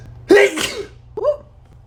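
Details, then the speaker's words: Sneeze on demand, triggered by poking rolled toilet paper into a nostril: one forceful sneeze followed by a short voiced exhale. "uh that's how you can sneeze on demand just roll up some toilet paper and poke it in your nose"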